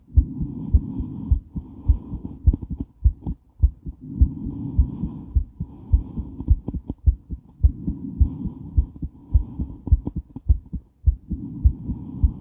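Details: Woman's heart during and after weight training, recorded while moving: strong, pounding beats about 105 a minute with heavy breathing, rubbing and movement noise; exercise tachycardia.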